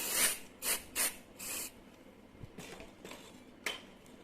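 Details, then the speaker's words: Cold spray applied before trimming an ingrown toenail with a sharp nail corner: several short hissing aerosol bursts followed by quieter faint puffs; cold spray application. "พี่เห็นมุมเล็บหนูแล้วแหละเดี๋ยวพี่ใช้สเปรย์เย็นช่วยเย็นหน่อยนะเดี๋ยวรู้สึกแบบเย็นเหมือนแซ่บๆนิดนึงนะ"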